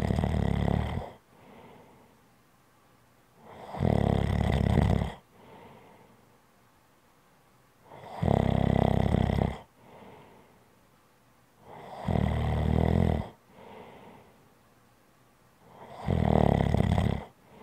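Loud, rough snores on each in-breath with quiet out-breaths between, about 14 breaths a minute; ordinary snoring.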